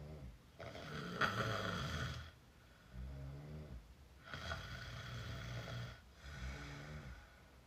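Loud, rough snoring in repeated breath cycles, harsh noisy phases alternating with lower fluttering vibrations, consistent with open-mouth snoring.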